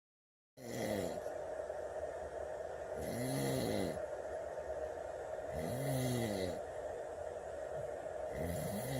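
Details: Snoring in sleep at 2:30 a.m.: loud, rough, rumbling snores recurring about every two and a half seconds over steady room noise; heavy snoring.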